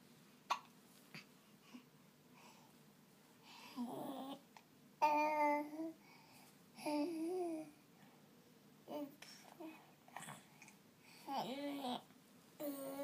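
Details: Brief, sharp, repeated hiccup catches of breath from a naked 7-month-old infant, amid soft babbling and vocalizing in a quiet room; infant hiccups.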